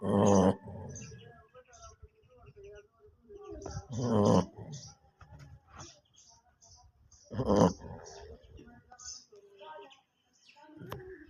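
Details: Sleeping dog snoring: three loud rasping snores about every three to four seconds with softer snuffling breaths between them.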